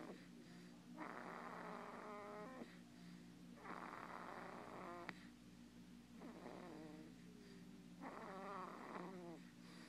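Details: Infant snoring recorded at the doctor's office: four long, rough, rattling, fluttering snoring breaths over about ten seconds, with a steady low room hum in the background.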